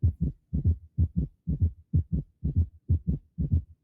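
Regular, rapid low heart thuds with an extra early-diastolic sound: a third heart sound, or S3 gallop.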